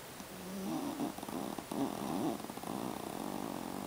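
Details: Jack Russell puppy snoring during a nap: soft, buzzy, rattling breath noises with a low, steady background hiss.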